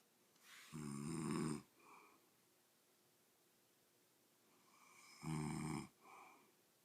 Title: Day 2 of snoring